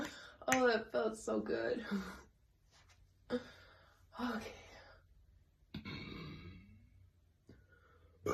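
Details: Repeated burping from a girl: several drawn-out, croaky voiced belches separated by quiet pauses.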